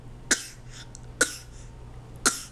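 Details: 11-month-old baby girl with sickly coughs; cough.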